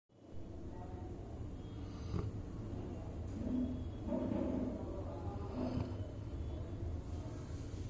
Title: Black Labrador Snoring To Glory